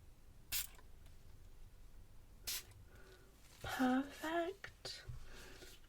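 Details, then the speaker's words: Simulated ENT exam roleplay, soft-spoken: two brief hissing bursts from a pharmacy-type decongestant nasal spray pump, applied to the nose with eyes closed, in a quiet room. Soft handling sounds follow. "so i'm just going to use some decongestant spray just to kind of clear it out yeah just like a like those kind of nose sprays that you get from just normal pharmacies"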